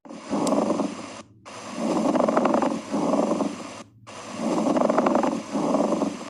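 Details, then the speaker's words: Pleural friction rub: rough, creaking, grating sounds on both inspiration and expiration, about 23 breaths a minute, from inflamed pleural layers rubbing together, as in tuberculosis or pneumonia. "इन दोनों का infection का condition वह ऐसे सूज जाते हैं और एक दूसरे के ऊपर ऐसे रब होते एक दूसरे के ऊपर ऐसे घिसते तो उसकी वजह से जो साउंड निकलता है उसको बोलते हैं प्लूरल ड्रॉप"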